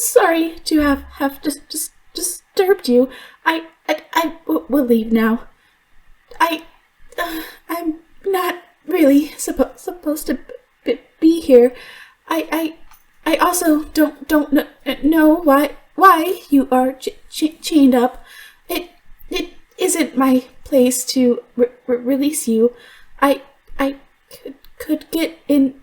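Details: Stuttering in an adult female voice actress voicing a character who stutters; she reports she truly stutters, worse when extremely stressed, and genuinely struggled on some words here; character calls it a deep-rooted psychological issue not cured by attempts to fix it.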